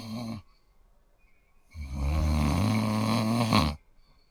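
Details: Low, soft, rhythmic rumbling snoring during deep sleep, presented as a sleep-ambience sound effect; snoring.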